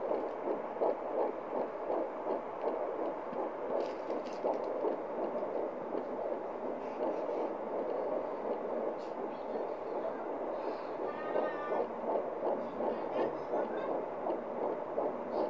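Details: Home fetal Doppler at 11 weeks pregnant, probe placed above the pubic bone; rapid, regular whooshing pulses about 162 beats per minute: fetal heart sounds.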